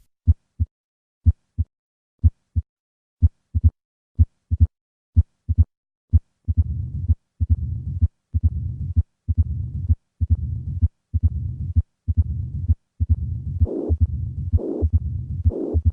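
Heart sounds at about 65 a minute, starting clean, then adding an opening snap, a low diastolic rumble and a systolic murmur: combined mitral stenosis and regurgitation.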